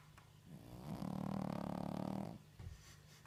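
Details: Shih Tzu dog snoring loudly while sleeping.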